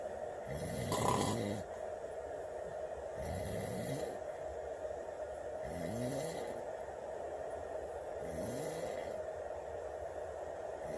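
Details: Heavy snoring at 2:30 in the morning: loud, rattling snores on each in-breath, about 4 in 11 seconds, with a steady hum in the room.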